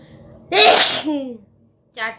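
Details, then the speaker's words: Adult woman deliberately provoking sneezes during a sneezing challenge, counting aloud; sharp inhaled catch, then a loud explosive sneeze and a short voiced sound; provoked sneeze. "চলো, কটা হাঁচি আমি দিতে পারি দেখো। 10টা তো বললাম তোমাদের।"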